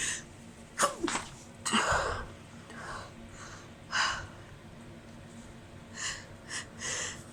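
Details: Female with nose irritated all day, after a tiny amount of chhikni (snuff), held back to avoid neighbours hearing: several sharp, muffled sneezes in quick succession; stifled allergy-type sneezing.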